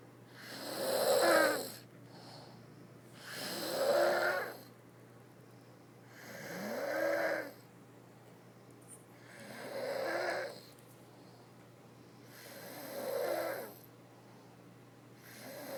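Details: Sleeping person with regular rattling snores on each breath, about 20 a minute, with quiet pauses between; ordinary snoring.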